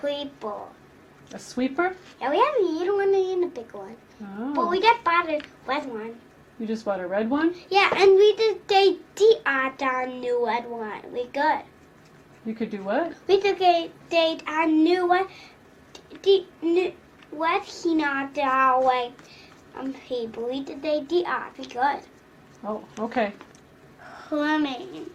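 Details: Phonological disorder in a young girl with consistent, predictable speech sound errors and no motor inaccuracy, not childhood apraxia of speech; she is starting to correct her errors.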